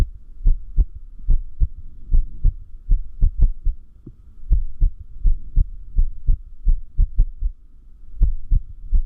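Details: Irregular heartbeat (arrhythmia), which the person says increases with lack of sleep: low heart thumps with uneven spacing, some close together and others with longer gaps, over a steady hum.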